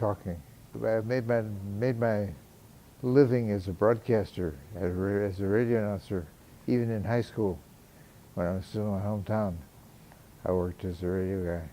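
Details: 75-year-old man with Parkinson's disease, symptoms noticeable since 2012 and severely impairing walking and talking by 2015, later treated with deep brain stimulation surgery reported to improve speech; hypokinetic dysarthria (Parkinson's disease).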